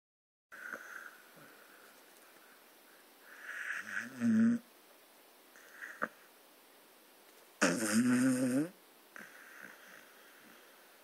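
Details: Gunner, a Staffordshire bull terrier, asleep giving loud rough rattling pig-like snores on inward breaths, two strong ones with quieter breathing between; snoring.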